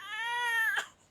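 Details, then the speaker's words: A single sustained, high-pitched cry under a second, fading off, from a girl in a poor household; she is comforted that she will get well soon. "এ কি ও কান্না করছে কেন কোন চিন্তা নেই সোনা তুমি ভালো হয়ে যাবা"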